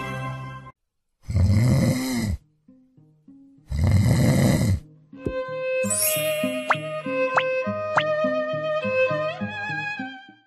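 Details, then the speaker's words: Two loud, rough inhalation snoring breaths followed by background music. Snoring is described as a symptom that may be benign and regular, or irregular with pauses as in obstructive sleep apnea. "打鼾是睡眠呼吸中止的症狀之一我們打鼾大概是可以有兩種一種是一般良性的打鼾第二種就是真的有進入到睡眠呼吸中止的這個程度"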